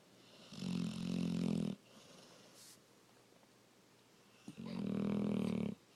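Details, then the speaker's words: Female dog, possibly awake, that has long made fake snoring sounds: two long, loud, low rumbling snore-like breaths with a quiet pause between; snoring. "Are you sleepy? Fake snoring? Are you fake snoring? Is that a fake snore?"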